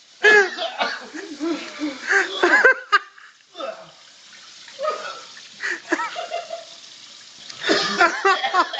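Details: Ruben attempts the cinnamon challenge: after inhaling cinnamon powder, harsh explosive coughing bursts with voiced strained sounds and onlookers laughing; cough after cinnamon inhalation.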